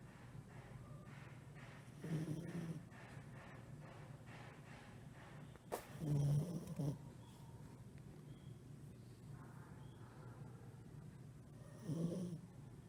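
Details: Miniature pinscher snoring: soft, low rumbling snores every few seconds under steady room hiss.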